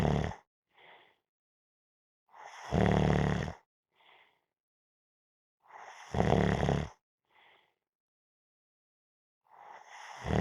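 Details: Loud rattling snores on each breath in, with soft breaths out between, about 20 breaths a minute, during a nap; snoring.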